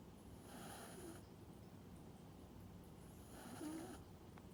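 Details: Pet cat snoring loudly in sleep, tired after a bath: soft, rough, rhythmic breaths, two slow breaths over a few seconds.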